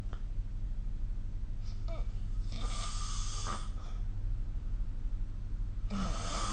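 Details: Snoring recorded with the SnoreLab app during sleep: rough, rattling breath noises over a steady low room hum.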